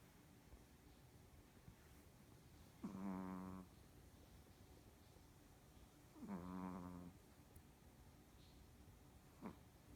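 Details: Two soft, buzzing snores several seconds apart in a quiet room from a Pomeranian dog in deep sleep; snoring.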